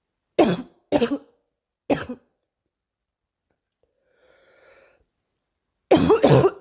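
Five short, sharp coughs: three single ones, then a quick double cough after a faint breath.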